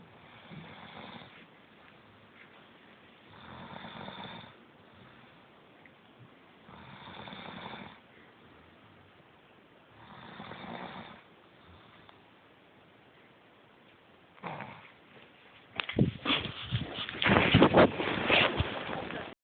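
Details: Snoring: regular raspy snores at about 18 breaths a minute, followed near the end by louder rustling noise.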